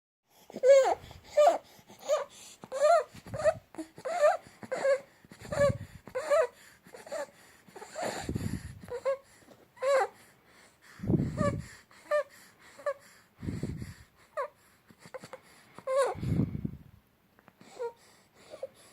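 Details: A 2-month-old infant, noisy since birth, makes a short, high, squeaky crowing sound with each rapid breath: stridor.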